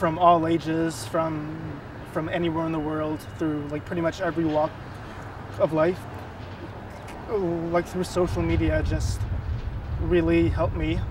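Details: Adult co-founder of an online stuttering support group, a person who stutters, with audible repetitions; stuttering.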